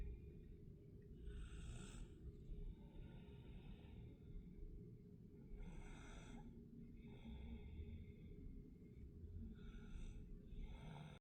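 Three rough, rattling snores come at slow, regular intervals, roughly one every four seconds, over a low steady room hum; snoring.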